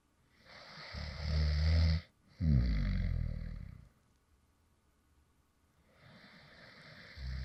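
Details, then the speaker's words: Light snoring recorded from a man who fell asleep partway through recording a previous video; low, rumbling snores on breaths in and out with quiet pauses between. "this is actually some light snoring sounds from me when I actually fell asleep in the middle of recording a previous video."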